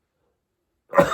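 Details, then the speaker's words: Adult man recovering from illness, who says he still has a bit of a chesty cough, coughs mid-sentence while recording a vlog. "excited not a good time to cough right now"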